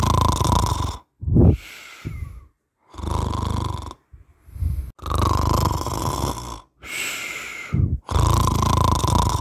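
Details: Human snoring sound effect: loud, low rattling snores on each in-breath with softer whistly out-breaths between, about four breath cycles, ordinary snoring.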